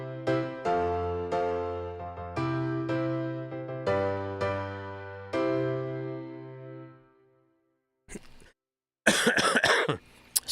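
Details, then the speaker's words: Adult man with a cough lasting two months and a strained voice: piano chords fade out, then a brief throat sound and a quick cluster of dry coughs. "oh boy I've still got that cough this cough it's been two months now and you can hear my voice"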